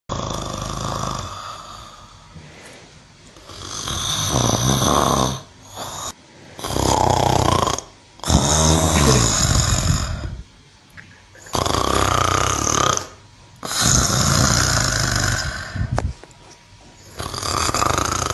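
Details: Loud, rasping breaths in repeated bursts separated by short quiet gaps; a cow snoring.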